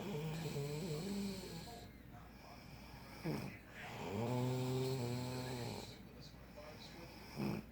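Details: Long, low, droning snores with a buzzing tone, separated by quieter breathing, during a nap; snoring.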